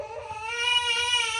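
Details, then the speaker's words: Sustained high-pitched cry of a newborn girl, rising in strength, loud and uncomfortable with trapped wind; infant cry. "It is absolutely insane to me how loud and um uncomfortable a baby can be."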